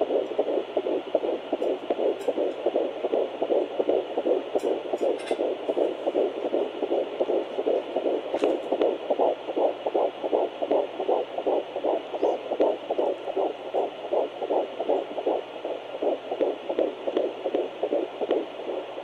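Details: Rapid, regular whooshing fetal heartbeat at about 158 a minute on Doppler at 11 weeks 3 days of pregnancy.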